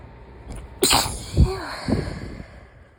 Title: July random sneezes compilation (7/14-7/20)